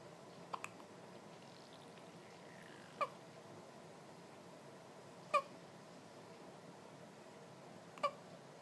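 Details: A 1-day-old baby girl hiccuping: four brief, soft hiccups at irregular intervals of a few seconds in a quiet room.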